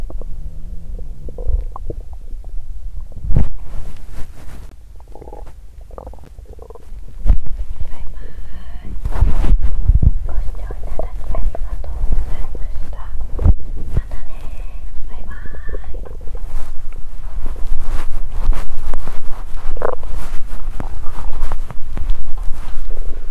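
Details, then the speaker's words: Hunger bowel sounds from an abdomen after exercise on an empty stomach that made the person feel unwell; described as a good hungry stomach sound. "Đó là một âm thanh đói tốt!"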